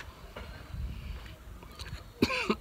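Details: Person with sarcoidosis, chronic pulmonary aspergillosis and a very low CD4 count coughing from smoke outdoors: faint throat noises, then a couple of short coughs against background noise.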